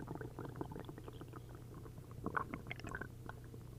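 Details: Upset-stomach borborygmi after drinking a liter of milk and a liter of prune juice: continuous loud gurgling and bubbling from the belly with liquid squelching bursts.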